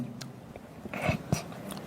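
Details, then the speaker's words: Two short, sharp cough bursts from an adult man against quiet room noise; he suddenly coughs while reading documents during a meeting, then asks to drink coffee. "Namun, suasana santai berubah menjadi cair ketika mendadak batuk saat membaca berkas."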